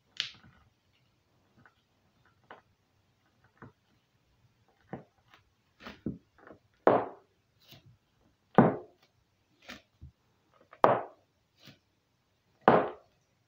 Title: cracking toes